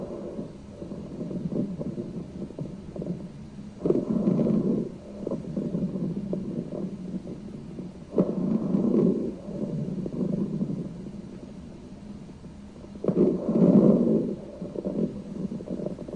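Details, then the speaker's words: Low, coarse, loud bubbling sounds throughout inspiration and expiration from secretions in the larger airways: rhonchi, demonstrated for nurses. "very bubbly kind of a sound right"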